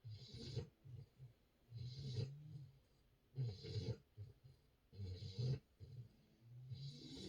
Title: Just a cute baby puppy in her diaper snoring. #doglife #december #puppy #sleeping